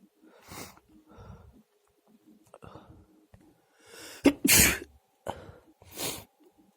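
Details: Male sneezing: quiet breathy build-up sounds, then a loud explosive sneeze and a second, softer sneeze.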